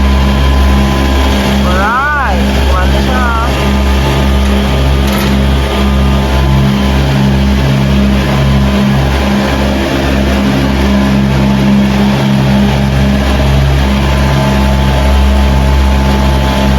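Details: Loud continuous motor drone with a pulsing hum and brief background talk; centralized medical suction units in a suction/compressor room, just repaired and reconnected to the electric supply, running.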